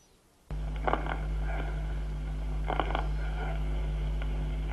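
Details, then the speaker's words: Clusters of sharp, sonorous (consonant) crackles, fine then medium and coarse bubble, over soft tubular bronchial breathing, later with pleural blowing sound and heart sounds: consonant crackles of lung consolidation, as in pneumonia. "vamos a oír primero estertores de burbuja fina acompañados de soplo tubario suave a continuación estertores de burbuja mediana y gruesa también con soplo tubario y por fin estertores de burbuja mediana y gruesa soplo pleural y ruidos cardíacos son consonantes"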